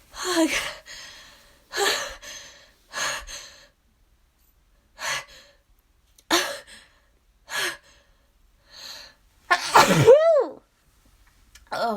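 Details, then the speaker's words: An adult with allergy sneezing gives about eight sneezes in quick succession, each a sharp burst after a gasp, and ends with a groaning sigh: a run of allergy sneezes. "oh my gosh sneezing is out of control today oh gosh oh still got more it's ugh i have to sneeze"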